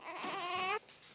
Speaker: ce bébé d'à peine 15 jours n'arrive plus à respirer